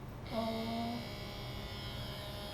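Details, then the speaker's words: Brief electronic power-on beep over steady room hum from a newly battery-loaded automatic blood pressure monitor; this is the device's normal start-up sound. "เวลาเปิดเครื่องขึ้นจะฟันแบบนี้นะคะ"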